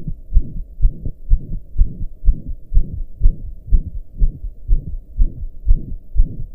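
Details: Own heartbeat recorded lying down after pounding hard for hours, regular at about 125 beats a minute with a loud whooshing between beats: heart murmur.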